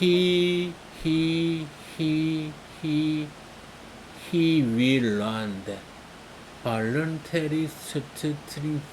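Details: Speaker deliberately repeating a word several times while reading, voluntary stuttering used to remove fear of stuttering; acted stuttering (voluntary stuttering, word repetitions).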